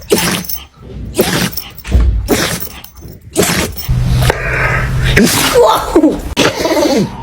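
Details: Several short, sharp dog sneezes in quick succession, with room noise and human voices in the background.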